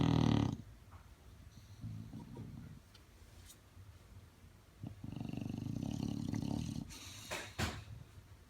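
Loud, low, fluttering snores, with quieter breaths between them; rough snoring.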